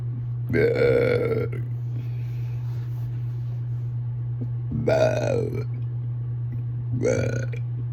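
Three loud, drawn-out voiced burps a few seconds apart over a steady low hum; repeated belching.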